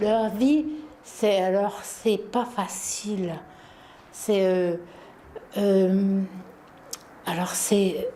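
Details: Woman with aphasia after a stroke in 2010; understands everything but words and sounds escape her and sometimes get jumbled; aphasia.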